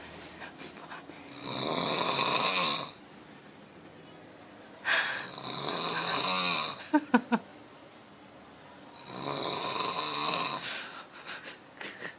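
Loud, rattling, drawn-out snores on inhalation, about every four seconds, with a brief snort; heavy snoring.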